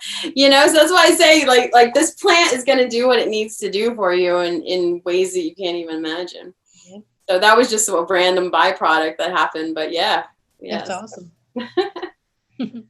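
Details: Adult woman speaking; no voice disorder.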